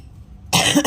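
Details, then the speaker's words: Quiet room, then a single harsh cough burst with throat clearing from an adult who says she has a cough, while preparing flu medicine for cats; an ordinary cough. "Aduh aku lagi batuk. Maaf ya."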